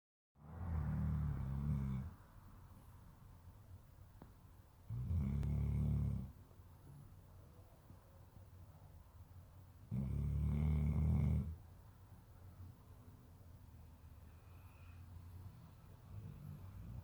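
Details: Sleeping dog snoring: deep, regular rumbling snores about every five seconds, roughly 12 breaths a minute.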